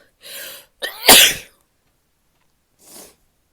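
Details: Female sneezing, in a recording that also has coughs and nose blowing toward the end: a short intake of breath, then one loud, explosive sneeze, with softer breathy sounds around it.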